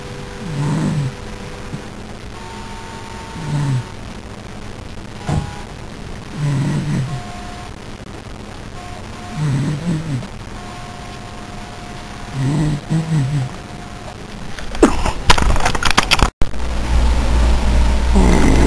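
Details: Adult man (dad) snoring while asleep as his child tries to plug his nose: regular deep, rumbling snores about every three seconds, roughly 20 a minute, over room hum, then handling noise.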